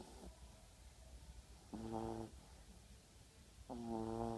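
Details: Staffordshire Bull Terrier puppy asleep: two slow, drawn-out rumbling snores with a tonal buzz, about two seconds apart, over low room hum; ordinary snoring.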